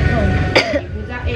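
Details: 15-year-old girl, sick with fever and nearly lost voice: a single short, rough throat clear with voiced sound around it.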